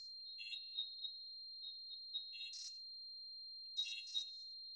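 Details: Tinnitus simulation.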